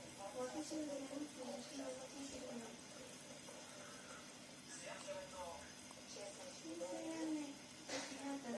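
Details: Newborn baby girl only a few hours old crying and yawning: soft, thin, wavering cries in short bursts, with room noise and running water.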